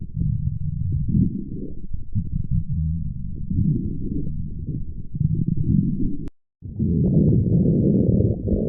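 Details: Long, low rumbling and gurgling from the belly with a brief gap, then more rumbling: ordinary stomach growling (borborygmi), a normal sound of gut movement.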